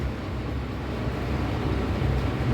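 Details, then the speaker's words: ORICH X-ray machine during installation testing: steady low rumbling motor drone as the X-ray tube moves up automatically. "First I move the extra tube. Exert tube is movement and then automatically movement the grid circuit tray."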